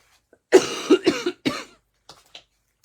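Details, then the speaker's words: Adult woman, coughing heavily since the weekend (began Saturday evening), thinks she has bronchitis; a short run of three rough, voiced coughs, then faint breaths in a quiet room; cough with suspected bronchitis. "je tousse beaucoup mais là je pense que c'est ça c'est une branchette"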